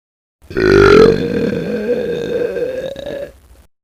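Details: Sound-effect recording of burping: a single long, loud, voiced burp lasting about three seconds.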